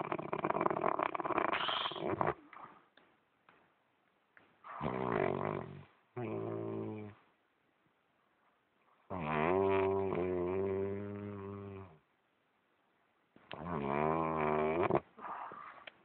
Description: Can't sleep...with this noise...hahahahhahah....Thats my lovely husband.